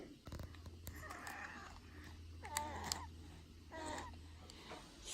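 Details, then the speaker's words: Very poorly baby girl with a cough, struggling to breathe and awake most of the night: noisy, whistling wheezing breaths over a low engine-like hum. "We have a very poorly baby here. You can hear her wheezing. She spent most of her night awake last night."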